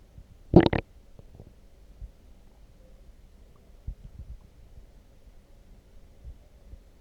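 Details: One loud, brief gurgling squelch, then faint scattered gurgles in a quiet room, after drinking coffee; ordinary stomach growling (borborygmi).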